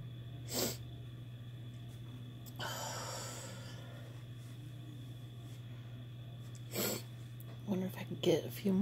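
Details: Sneezing brought on by chhinkni sneezing powder: two short, powerful sneeze bursts over a steady hum with a sniff between them, then breathy sounds.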